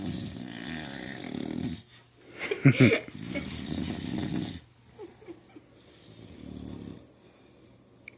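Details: Female dog with baby teeth, snoring while awake and lying on her back; owner asks whether it is hard to breathe on her back; loud rattling snores with quieter breathing between them.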